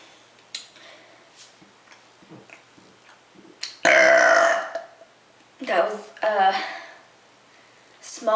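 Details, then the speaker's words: Brunette woman doing deliberate quick, fast burps on purpose: a few voiced belches in quick succession, one long and loud, with faint throat sounds between. "Just quick fast burps."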